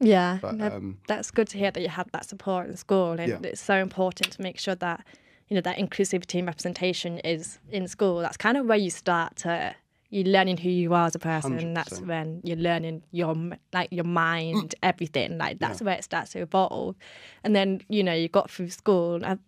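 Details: Adult woman speaking; ordinary fluent speech.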